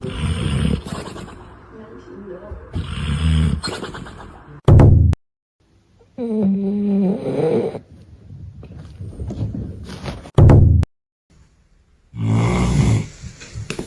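Loud, low, rumbling snores with a few sharp snorts and silent gaps, possibly edited together. Dog snoring.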